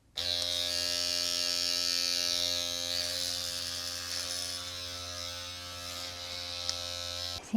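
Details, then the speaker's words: Dr. Pen M8S electric microneedling pen with 18-needle cartridge set at 0.25 mm, switched on before home treatment of buttock stretch marks: loud, steady high-pitched buzzing motor whine over a low hum. "Okay. Is it supposed to make such a loud noise? I don't know. Is this normal?"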